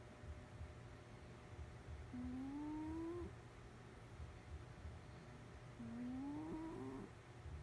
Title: Cat snoring. Random video.